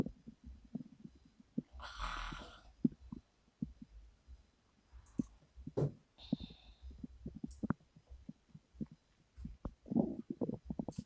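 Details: Woman sleeping and snoring with mouth open: quiet, irregular low gurgles and pops with a soft breath, her stomach grumbling during sleep, ordinary stomach rumbling (borborygmi).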